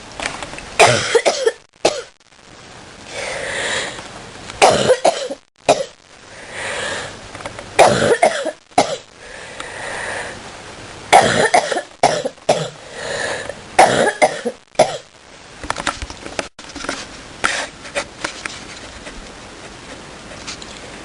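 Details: Deep coughing fit: repeated harsh coughs in a long, sustained spell, with short breaths between bursts.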